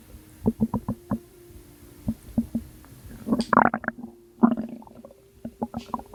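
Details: Postpartum mother's belly, recorded at 2 am; she attributes the sounds to postpartum water weight. Short wet bubbling pops and gurgles with a couple of louder sloshing bursts; fluid gurgling in the abdomen.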